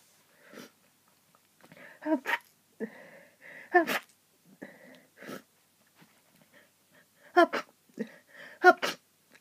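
A rapid run of about eight sneezes, several half-stifled, with quick breaths between them: a hay fever sneezing fit.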